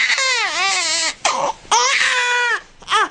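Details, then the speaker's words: Loud, high-pitched, rising and falling newborn cries in repeated bursts with brief breaths between, from a baby boy during calming techniques: being wrapped, then placed on his side to trigger a reflex that stops crying. "now let's put him on his side magic a miracle no it's a reflex a reflex that all babies are born with that believe it or not will turn off their cries and screams almost like turning off a light switch"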